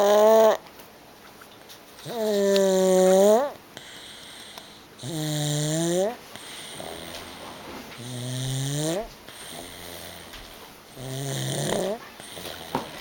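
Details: 13-month-old child snoring at a relative's house: loud, voiced snores on each breath in, roughly one every three seconds, with quiet pauses between.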